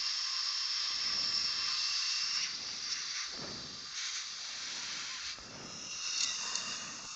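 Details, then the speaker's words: One week post-op appointment, lab repair of a fractured upper all-on-4 fixed implant-supported prosthesis: continuous high airy hiss of a dental air syringe drying the area, with short gaps and surges as airflow changes, before condensing. "all right so just uh drying off and I need the air syringe"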